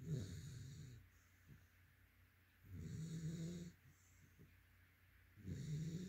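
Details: Yellow/white Labrador retriever, male, sleeping: deep, fluttering snores roughly every three seconds, about 22 breaths a minute, with quiet pauses between; ordinary snoring.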